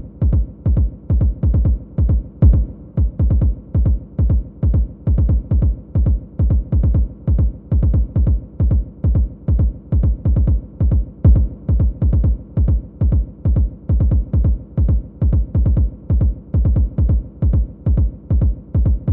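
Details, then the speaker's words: A played (simulated) recording of fast, irregular heart sounds used for practice in counting a full minute; the count is 136 beats per minute, an irregular tachycardia. "This time, let's do an irregular heartbeat. So I'm going to have an irregular heartbeat play. That means we're going to have to count for the full minute because it's not that consistent pattern."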